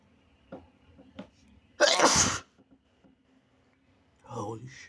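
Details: Quick inhalations, then one loud, wet, explosive sneeze and a brief sniffly vocal sound, from a person (he/they) who is still somewhat sick; extremely wet, snotty sneeze.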